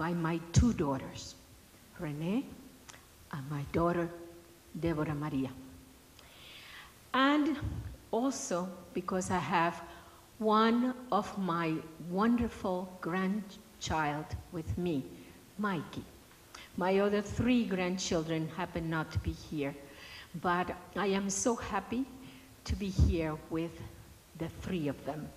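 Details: Adult woman speaking; Normal speech.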